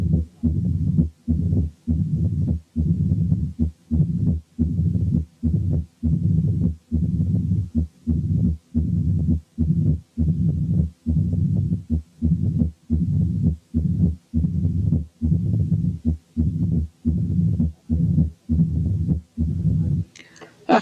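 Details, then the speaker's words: Mitral stenosis with atrial fibrillation: totally irregular heartbeat with a low rumbling mid-diastolic murmur varying in length beat to beat and no presystolic accentuation. "تعالوا نسمع سوا حالة ماترال ستينوزيس مع اتريال فابريليشن. لاحظوا ان الريزم is totally irregular وان مفيش بري سيستوليك مارمر وان الميد دايستوليك مامر بيختلف طولها من بيت للتاني."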